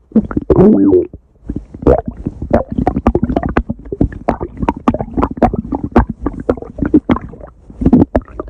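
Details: Stomach growling (borborygmi) from a person.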